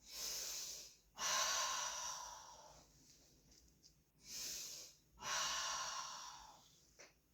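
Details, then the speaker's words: Normal bronchovesicular breath sounds auscultated on the back of a patient born 1933 during a nursing student's head-to-toe exam: two slow deep breaths in and out, smooth and airy, with no wheeze, stridor or crackles. "So there was no adventitious sounds, no wheezing, no stridor, no crackles, just the normal bronchovesicular sounds, which means there's no fluid or nothing abnormal in the lung sounds."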